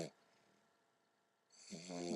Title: English Bulldog puppy snoring SO CUTE